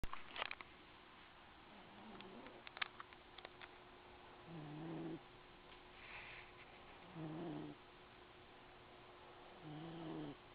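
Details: Cat sleeping in a box, snoring softly and regularly; each snore lasts about half a second and repeats roughly every two and a half seconds. The cat later wakes.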